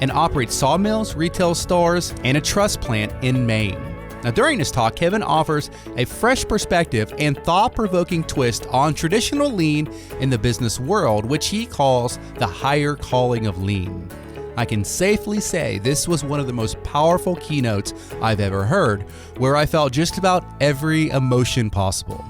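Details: Adult male speaker; normal voice.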